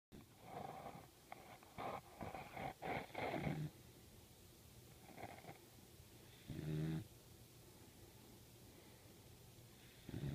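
Soft, uneven snuffling snores and short snorts from a sleeping puppy, coming irregularly over quiet background.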